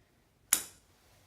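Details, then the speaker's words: Tuning fork struck for a Weber test of cranial nerve VIII, then placed on the patient's head during a demonstration medical assessment that found a normal result: a sharp metallic strike with a brief high ringing that fades quickly. "so we're going to do the weber test first i'm going to strike the tuning fork and put it in front of the patient's head"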